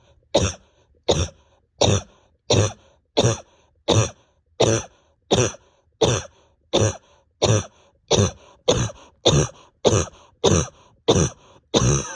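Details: About 18 forceful, evenly spaced single coughs, roughly 87 a minute, from an adult with pain deep in the chest and stomach, awake over 32 hours, exhausted, bronchodilator not helping; persistent repetitive cough.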